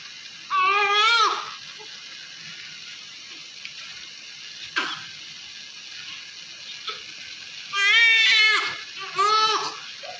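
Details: Newborn girl just brought from the labour room, Apgar score 7, active, being cleaned of vernix with baby oil: three bursts of strong, high-pitched crying separated by quiet pauses, with faint room noise.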